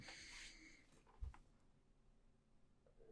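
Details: Sneezing during a live recorded conversation: a single quiet, sharp sneeze burst followed by faint room noise; an ordinary sneeze.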